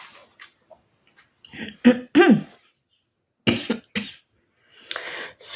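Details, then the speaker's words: An adult woman with a struggling voice coughs: about four sharp, dry coughs with softer throat-clearing and breaths between, in a quiet room; cough. "I need to go off now and have another coughing fit and I don't think it's broken it's still on camera and as you can hear my voice is struggling"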